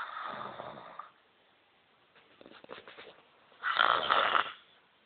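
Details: Very loud snoring: two loud, harsh, rasping snores with quieter fluttering breaths between them.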